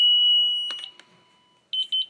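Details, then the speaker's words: Zoll M Series defibrillator daily energy test, 50 joules into a test module in test mode: steady high charge tone cut off by a click at shock delivery, then short beeps. "after we press the shock button you'll see the jewels that are delivered on the bottom of your screen here"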